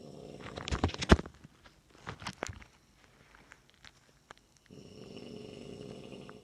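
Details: Snoring from a sleeping grandma, heard in the morning after she stayed overnight following Thanksgiving; snoring.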